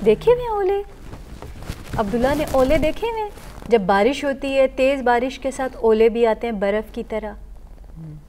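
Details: Adult woman (therapist); typical adult speech.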